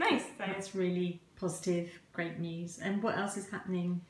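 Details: Adult woman; typical speech.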